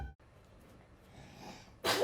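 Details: Two-year-old girl sneezing on pastry while cooking: sudden loud single sneeze at the end, quiet room noise before.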